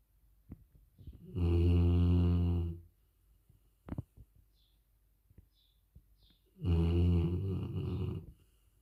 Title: Dog snoring hard.When you work from home with dogs ❤️❤️❤️#dog #snoring#dogsnoring